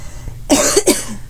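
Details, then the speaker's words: Person with ALS using a ventilator to help cough, phlegm troubles: two short, breathy cough bursts in quick succession, a weak ventilator-assisted cough in neuromuscular disease. "yeah, so we just basically cough and stuff because of the help of my ventilator would never get shit out."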